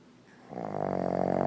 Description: Old man snoring